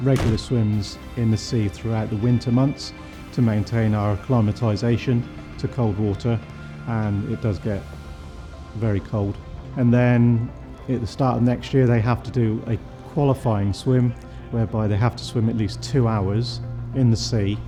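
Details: Adult male speaker; typical speech.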